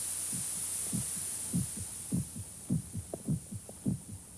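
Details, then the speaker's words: Soft, regular paired heart thumps at about 100 a minute under a steady hiss, a human heartbeat heard in a sound-isolated room, from an old public-domain film: an ordinary heartbeat. "you ever see a living beating human heart this marvelous little pump pumps 12 pints of blood through hundreds of thousands of miles of blood vessels every minute"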